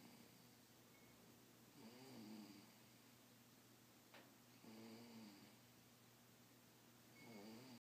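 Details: Quiet, regular snoring with a soft throaty buzz on each breath, about three snores in eight seconds, over steady background hiss.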